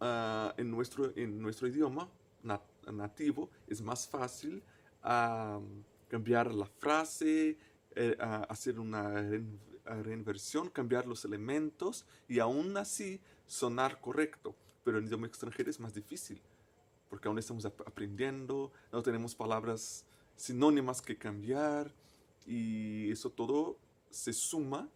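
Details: Person who stutters, a native Portuguese speaker speaking Spanish as a foreign language, with word and phrase repetitions; stuttering.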